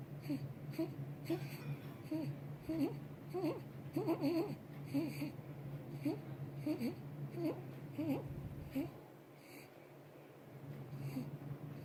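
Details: An infant with stridor: rapid, repeated high, squeaky noisy breath sounds, consistent with a narrowed upper airway.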